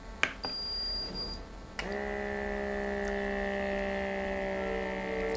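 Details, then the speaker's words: Digital upper-arm blood pressure monitor: clicks as it switches on, then steady electric pump hum as the cuff inflates, taking about 10–15 seconds. The user keeps still and breathes normally; he reported readings around 180 the previous evening. "BP यह जो है monitor करने में कुछ time late like 10 से 15 second का समय लगता है"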